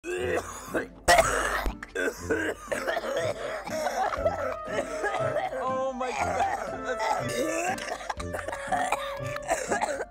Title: ￼ Coughing compilation of our first video ￼#funny #fyp #fypシ #foryoupage #trynottolaugh #funnyvideo